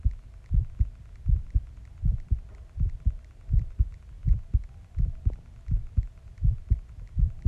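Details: Heartbeat recorded after a shower: steady, regular paired lub-dub beats at about 82 a minute.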